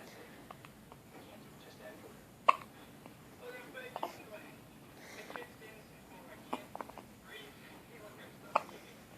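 Several sharp, abrupt catches spaced a few seconds apart over low room noise and faint voices, fitting hiccups.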